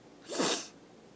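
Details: Sneeze challenge: a single short, explosive, hissing sneeze in a quiet room.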